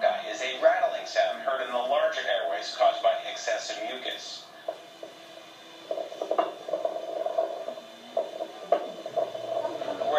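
Low, coarse rattling breath sounds from the larger airways: rhonchi, from excess mucus in the bronchi.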